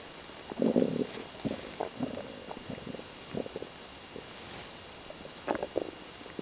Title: stomach noises